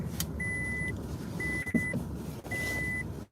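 Three short steady electronic beeps over car engine and road noise: a glucose monitor alert.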